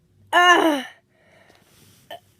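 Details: One loud voiced sneeze with a falling, cry-like tone, then quiet breathing and a brief vocal sound.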